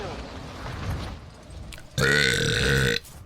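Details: Burping: a single loud, sustained belch of about one second, after quiet room noise and low background talk.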